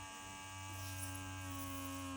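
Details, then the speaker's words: Steady electric buzz of a small handheld battery vacuum ear wax removal kit, set on high, running while cleaning a child's ear; vacuum ear wax remover running. "Hella wax come out of there. The wax goes in here like a nose suction."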